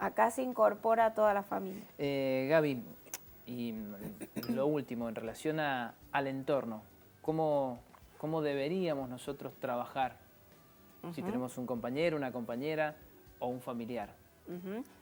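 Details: Adult speaker; typical speech.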